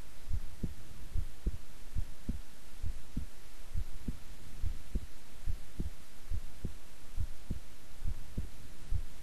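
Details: Own heartbeat recorded at length while staying still and relaxed: steady soft lub-dub at about 70 beats a minute over a constant hiss; normal regular resting rhythm.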